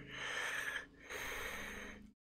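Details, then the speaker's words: An adult imitates wheezing, not a real patient: two noisy, whistly breaths mimicking labored breathing through narrowed airways. "if you wheeze it means you're having trouble breathing so"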